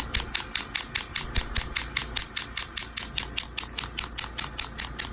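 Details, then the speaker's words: Rapid, even, sharp snapping pulses, about five a second, from an extracorporeal shockwave therapy handpiece applied with gel around the Achilles tendon of a young man with Achilles tendinitis, following a PRP injection. "these are acoustic waves so the the gel helps transmit the waves here into the tissues"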